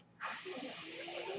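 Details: Real podcast recording in which the speaker explains that the noise heard is his own mechanical ventilator; a steady airy hiss begins abruptly and continues with a faint hum underneath, the ventilator's airflow; mechanical ventilator noise.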